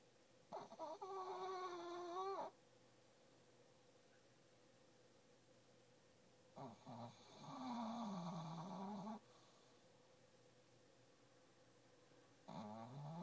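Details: Female asleep under a desk in the morning, a usual habit, snoring with slow, drawn-out whistling and groaning snores at roughly 9 a minute, with quiet gaps between.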